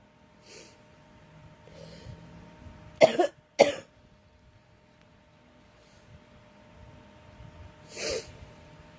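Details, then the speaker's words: Girl with a cold coughing: two sharp coughs close together, then a softer one a few seconds later, over a faint steady hum. "Excuse me. I am so sorry, everyone. I'm struggling with this cold."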